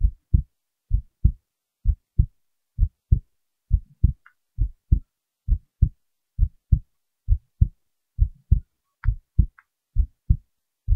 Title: heartbeat recording